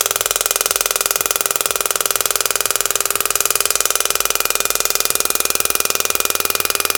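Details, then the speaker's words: Rapid, very regular sharp clicking at about four pulses a second from a shock wave therapy handpiece (ESWT). It is treating cellulite on the thigh over ultrasound gel with tip 5, preset to 2500 impacts at 10 Hz and 100 mJ, and stops automatically at 2500 impacts. "so it automatically stopped when the treatment was over when it reached the 2500 impact"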